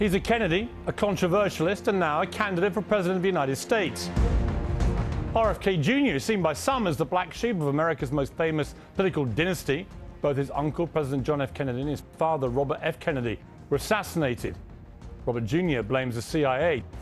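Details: Adult male narrator; normal speech.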